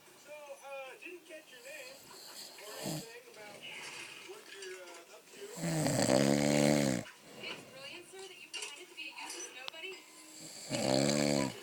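Loud, rattling inhaled snores about five seconds apart, with quiet voices speaking between them.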